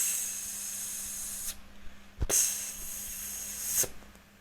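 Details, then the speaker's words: Nursing practicum after nebulization and chest physiotherapy: suction catheter inserted into a child's mouth and rotated, then nose; steady suction-pump hiss broken by short gurgling slurps as secretions are drawn up; airway suctioning. "Sekarang kita masukkan selang ke dalam mulut adik, kita lakukan penghisapan. Mari kita memutar-mutar."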